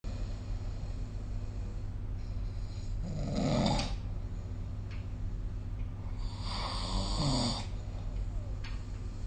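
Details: Snoring during sleep recorded with the SnoreLab phone app: two soft, rough snoring breaths over steady low room hum, about one every three to four seconds.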